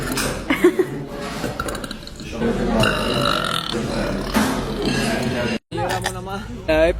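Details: Girl belching: long, loud belches heard through nearby male talk in Spanish and crowd noise.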